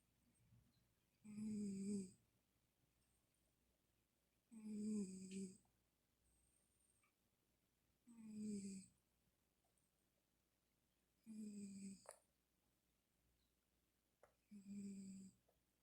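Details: Cat snoring in sleep: five rhythmic snoring breaths with quiet pauses, about 18 breaths a minute.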